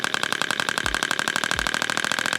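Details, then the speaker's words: A shockwave therapy handpiece is started at level 1 and turned up through higher settings, with a range of 1–22 Hz. It gives rapid, evenly spaced mechanical clicking pulses with a high metallic ring, about twelve per second. "Very slow. Sound waves are coming out of the end of this. And if I want to turn it up, and it's for different areas, I go higher, higher, higher, and higher."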